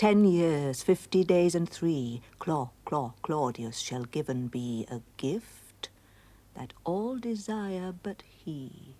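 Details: Acted stuttering in a dramatized TV scene: a character deliberately imitates another's stammer with repeated first syllables, mocking him.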